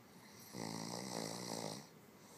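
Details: Ruger, a dog in deep sleep: one drawn-out, buzzing snore on a breath lasting over a second; snoring.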